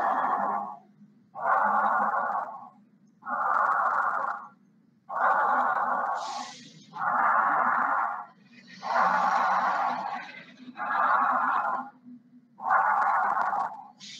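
Soft, even rushing breath sounds alternate in a steady, slightly fast rhythm: normal vesicular breathing with mild tachypnoea.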